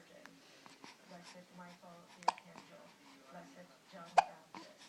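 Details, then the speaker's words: Baby with hiccups: soft infant vocalizing broken by two sharp, abrupt hiccup sounds about two seconds apart, as a parent asks about the hiccups; ordinary infant hiccups. "yeah but hiccups do you have the hiccups"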